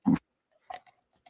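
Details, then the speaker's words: Short low grunting snort then fainter rattly breaths over an open phone line from a sleeping man, said to have snot and to do this often, possibly needing a CPAP; snoring. "Man, that boy snoring back there."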